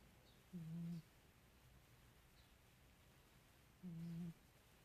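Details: A sleeping cat snoring: two soft, low rumbling snores about three seconds apart, roughly 18 breaths a minute, over quiet room noise.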